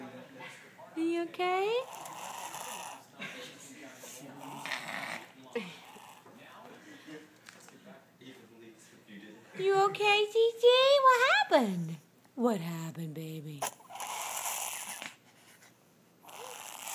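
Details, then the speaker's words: A dog makes rough, rapid snorting inhalations during reverse sneezing. The vet says she has allergies, and she is now on an antihistamine. "What is that Are you okay What is that What's the matter well the doctor says It's just a reverse sneeze You Don't seem to like it much though honey"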